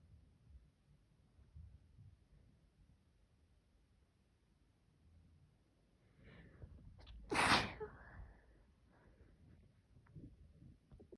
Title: Sneezing pt5 or 6 sniffles